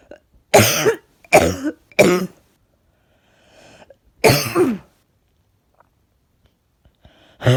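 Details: Four harsh, forceful dry coughs with faint breaths between, plus sniffing; person feels something stuck in the chest and is out of breath today.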